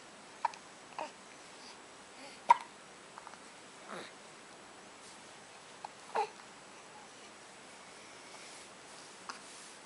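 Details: Soft, abrupt hiccups from a baby girl, spaced through quiet babbling, at 2:30 in the morning after an early morning feeding, while she looks up at her father.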